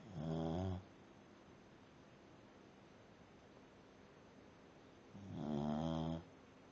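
Two slow, rumbling snores about five seconds apart, separated by quiet breathing; ordinary snoring.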